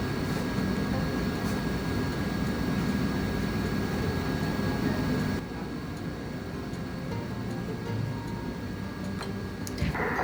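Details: Rapid, rhythmic whooshing pulses of a fetal heartbeat on an 8-week pregnancy ultrasound, recorded by phone, averaging about 171 beats per minute and described as strong; fetal heartbeat.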